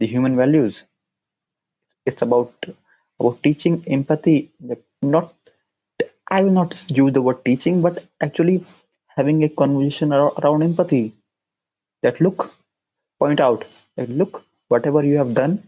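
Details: Adult man who stammers, with onset around nine years old, speaking English; stuttering.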